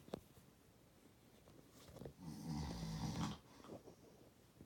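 A quiet room with one rough, rattling snore on a breath, then faint noisy breathing.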